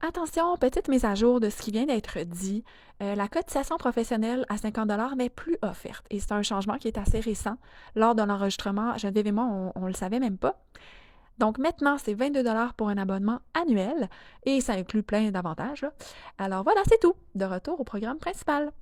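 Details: Adult woman speaking French; no speech disorder.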